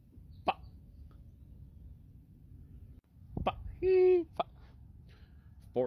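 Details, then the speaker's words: Sudden brief vocal bursts and a short tonal yelp in otherwise quiet moments, from a person with Tourette syndrome: vocal tics. "all right all right so I have Tourette syndrome and I can't imagine the catastrophe that I would cause at that restaurant working there"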